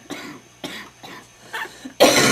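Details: Wet smoker's cough after smoking homegrown tobacco: four short, loose coughs, then a louder harsh burst; painful.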